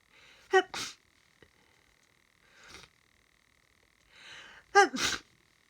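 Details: Adult sneezing from hay fever after sorting the garden: two forceful sneezes, each with a voiced wind-up and sharp explosive release, with quieter breaths between them.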